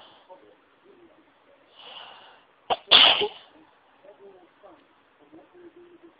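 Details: Induced sneeze: a quick breath in, then one sharp, explosive sneeze, with faint sounds around it.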